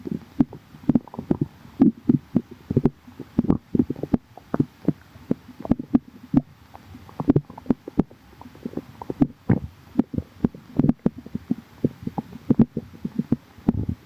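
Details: Calm tummy: frequent soft gurgles and low rumbling clicks from the abdomen, ordinary stomach growling (borborygmi).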